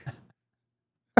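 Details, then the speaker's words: Adult gives a faint throaty sound, then a single abrupt cough; described as smoker's cough. "Yeah, it's just smoker's cough. I'll be dead soon."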